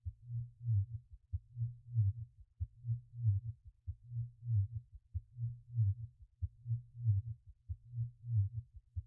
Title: Narcissistic Abuse Healing Subliminal | Ya Muhaymin Ya Haqq Islamic Dhikr, Heartbeat Sound